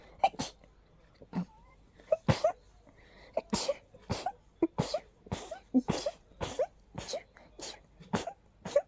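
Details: Unusually intense allergy sneezing fit, strong nasal irritation: rapid string of about a dozen short, sharp sneezes with quick gasps between; sneezing fit.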